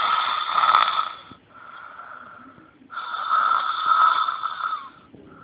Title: Loud snoring by boy